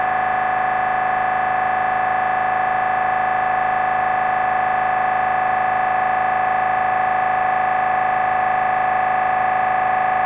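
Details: Loud, steady, rapid electronic buzzing at about 200 pulses a minute: MRI scanner noise recorded during a brain scan.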